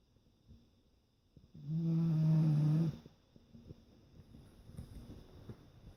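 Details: Basset Hound snoring: one loud, low, rumbling snore lasting about a second, then quiet room noise. Dog snoring.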